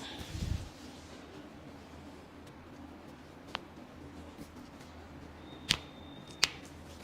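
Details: Chiropractic adjustment for neck, knee and back pain as the patient breathes out and relaxes: a few sharp, isolated joint cracks over quiet room noise; joint cavitation.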